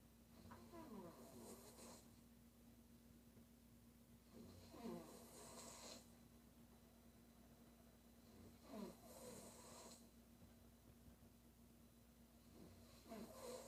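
Faint, rough breathing noises recur about every four seconds over a steady background hum; quiet snoring during sleep.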